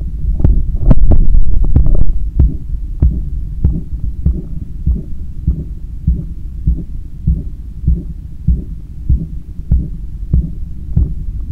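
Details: Normal heart sounds recorded with a stethoscope on the chest soon after a 10 km run, lying on a daybed leaning on the left side while controlling breathing: fast, forceful heartbeat with heavy breathing and rubbing noise at the start.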